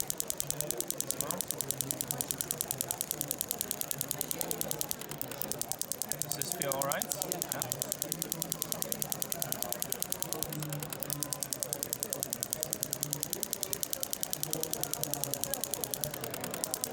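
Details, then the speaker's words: Storz shockwave device lowered to 10 Hz and low energy as a vibration tool, stroked over skin to create shear between tissue layers, chronic golfer's elbow (medial epicondylitis): rapid steady mechanical ticking with faint hum. "this is no longer shockwave this is just an added tool to the shockwave device this is vibrations we use the vibrations together with the friction of the skin to create the shear force between the different layers"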